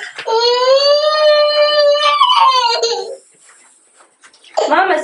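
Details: A young child: a long, high wailing cry lasting about three seconds, then a pause and the start of another cry.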